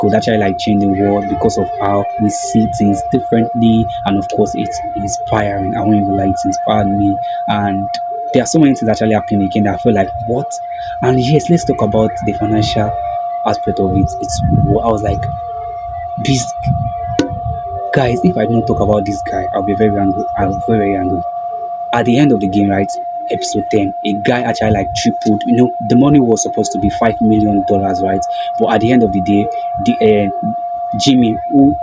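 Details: Video host who self-identifies as a stammerer, stuttering with a broken word and a repeated word; stuttering.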